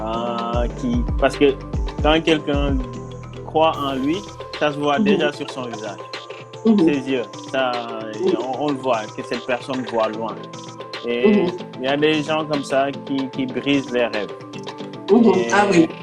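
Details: Adult woman speaking French; ordinary speech.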